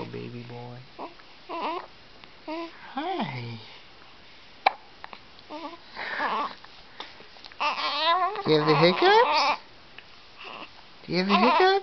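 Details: Infant with hiccups, fussing with short whimpering cries and babbling, with a brief hiccup-like catch; an adult voice is heard faintly.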